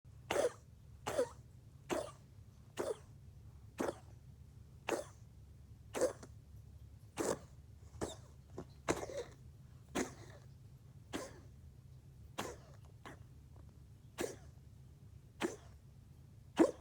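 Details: A pet coughing in a long run of about eighteen short, sharp bursts, roughly one per second.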